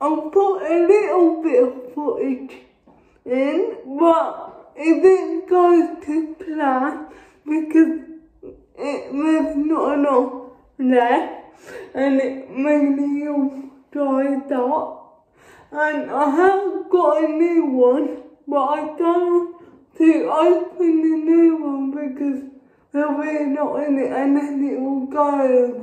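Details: Adult woman with cerebral palsy speaking. Finding: dysarthric speech in cerebral palsy.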